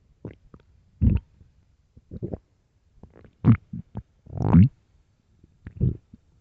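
Loud, deep, irregular gurgling growls from the belly, some drawn out and rising; ordinary stomach rumbling from an empty stomach.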